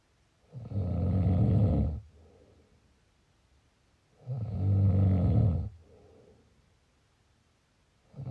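Deep, rattling snores on each in-breath, about 16 breaths a minute, with quiet out-breaths between; ordinary snoring.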